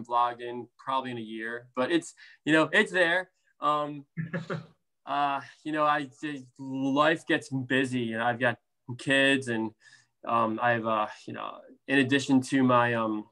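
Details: Stuttering in an adult man, a speech therapist who stutters, with blocks, prolongations, sound repetitions and interjections; severity varies from day to day.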